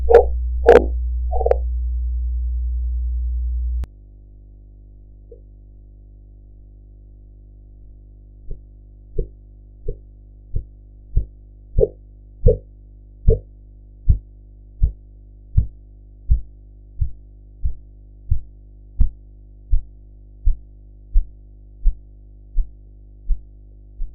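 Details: Blood pressure practice recording with sphygmomanometer: brief rustling and steady hum, then a regular series of soft tapping Korotkoff sounds about 80 a minute.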